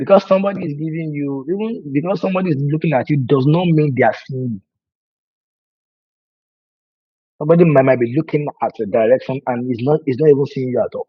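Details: Adult man who has stammered for over 20 years, worse with nervousness and fear, with a family history (brother and sister also stammer); words break when he speaks; stuttering.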